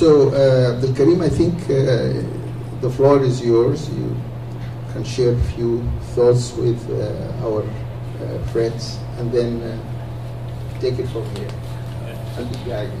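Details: Adult male speaker; normal speech.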